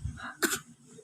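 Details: Young child, a little girl, giving a single short, sharp cough on request from her older brother: voluntary cough.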